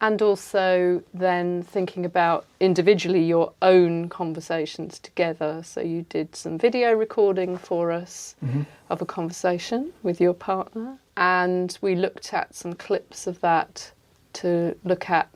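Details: Adult woman speaking; normal speech.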